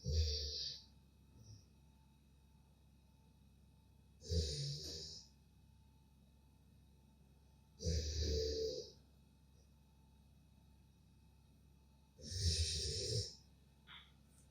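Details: Golden Retriever dog snoring: loud, low rumbling snores about every four seconds, roughly 14 a minute, with quiet pauses between.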